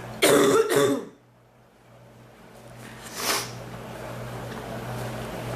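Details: Two quick harsh coughs then a softer third; person reports coughing hurts her back more than chest, cough waxing and waning, seeming to dry up a little tonight.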